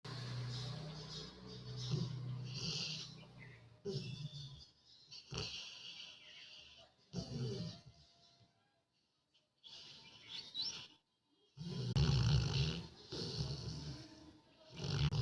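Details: Dog (female) sleeping, snoring continuously: loud low rumbling snores in long bursts with pauses between breaths, some background noise; snoring.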